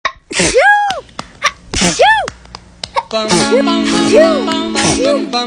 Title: Natural sneezing compilation